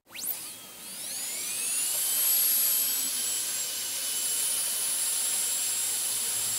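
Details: Dental drill sounds recorded as ASMR, turned on and off: a high-pitched whine climbs quickly in pitch, then holds as a steady shrill tone as the drill spins up and runs.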